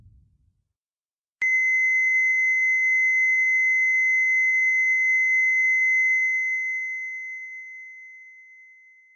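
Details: Stock EKG heart monitor footage: a steady, unbroken high-pitched monitor tone sounds and slowly fades, the flatline alarm signalling no detected heartbeat.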